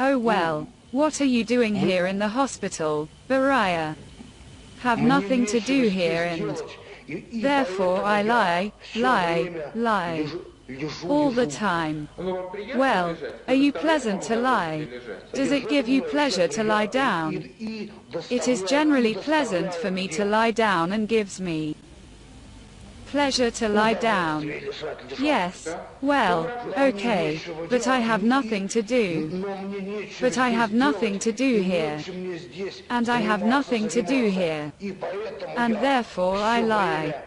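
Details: Male psychiatric inpatient with mild intellectual disability (debility), complaining of weakness and apathy, filmed in 1995: speech disorder in mild intellectual disability.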